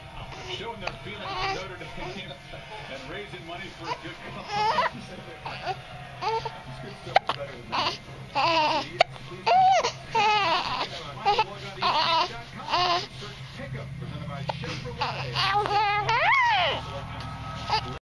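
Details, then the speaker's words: Repeated fussy cries and whimpers in short bursts from an infant boy, upset by his hiccups, with adult talk and music in the background; infant cry. "has the hacups he doesn't like it very much and he has the hacup"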